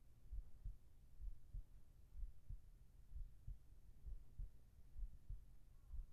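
Soft, muffled low heartbeats at about 65 a minute, steady and even; a normal heartbeat.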